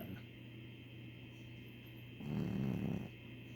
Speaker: Sir, a 3-year-old old man Chihuahua. Or at least he snores like an old man.